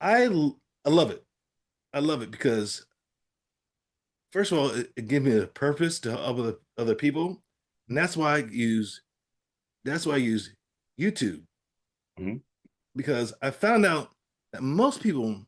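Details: Adult man with aphasia after a stroke; aphasia.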